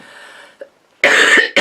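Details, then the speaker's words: Sick adult woman, on medication, talking: a faint throat noise then one loud harsh cough burst and the start of another, a dry, tickly-sounding cough. "i'm sorry about the coughs i might even edit those out with the sound bite anyway"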